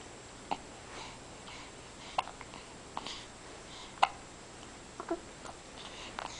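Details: One of many bouts of hiccups: brief, sharp, soft hiccups at irregular intervals, about six in six seconds, in a quiet room.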